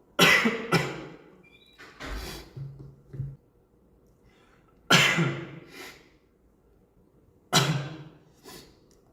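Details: About five sharp, abrupt adult cough bursts in short groups with quiet pauses between, in a small quiet room; cough.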